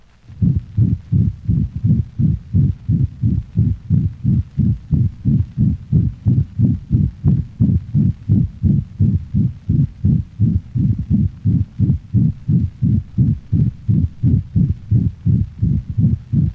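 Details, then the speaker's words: Dog, ventricular septal defect: fast regular heartbeat with a loud, harsh holosystolic murmur over the mitral and tricuspid valve regions, little radiation to aortic and pulmonic areas, thrill along right mid thoracic wall; resembles mitral insufficiency. "note that the murmur of the ventricular septal defect is a harsh holosystolic sound not unlike that of mitral valve Allah insufficiency"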